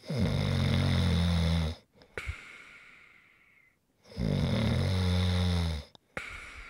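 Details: ASMR snoring recording: two loud, rough, low-pitched inhaled snores, each followed by a quiet exhale, about 18 breaths a minute; typical snoring.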